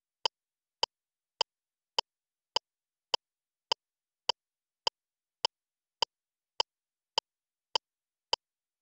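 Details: Adult-mode LIFEPAK CR2 defibrillator metronome during CPR, voice prompting compressions at least 5 cm deep with two rescue breaths: sharp, evenly spaced clicks at about 103 a minute pacing chest compressions.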